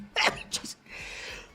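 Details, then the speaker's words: Male streamer who says he has allergies: a sharp explosive sneeze with a quick second burst, then a breathy exhale. Sneeze. "oh I'm so sorry that's so gross I have allergies I need a nurse to come and flush out my my nostrils"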